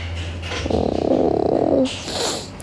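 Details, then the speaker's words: A low, rolling, purr-like gurgle lasting about a second from an adult woman's stomach during a live stream, heard over faint music; she says she has just eaten and is digesting, not hungry. Stomach growling. "มันย่อยมันไม่ได้หิวเพิ่งกินข้าวมาเมื่อ"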